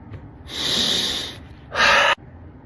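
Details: A long noisy inward snort followed by a sharp forceful outward nasal puff, a loud snorting breath.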